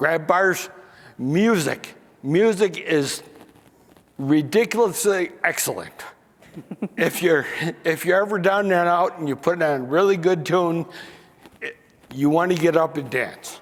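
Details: Man aged nearly 68 with spinocerebellar ataxia diagnosed in 1995 (about 28 years earlier), who lost the ability to sing and to make announcements, mispronounces names, and reports forgetting what he is saying; ataxic dysarthria.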